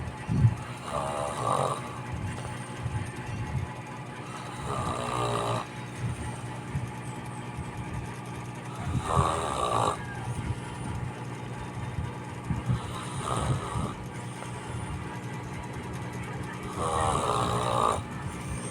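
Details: Tired autistic child with speech difficulty snoring in sleep: low, rough rattling noises on breathing in, returning about every four seconds against steady room hum.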